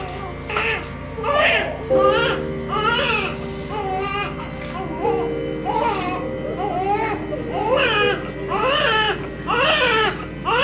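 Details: Baby girl's first cries just after natural vaginal delivery; mother was due three weeks after 37 weeks, and the cord may have been wrapped around her twice. Repeated rhythmic wailing under overlaid music; vigorous newborn cry.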